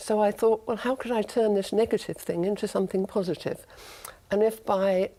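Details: Woman, 68, after tongue cancer surgery removing a third of her tongue, reconstructed with a forearm flap with no feeling; in speech therapy, speech improving two weeks post-op; speech after partial glossectomy.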